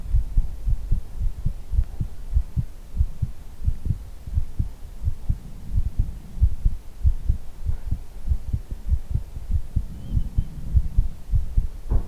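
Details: ASMR heartbeat recording: steady soft low lub-dub pairs, about 60 to 70 beats a minute, over a faint hum; normal heartbeat.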